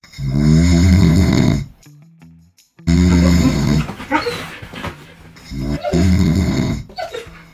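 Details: Border Collie's owner snoring during sleep; the dog reacts to the snoring.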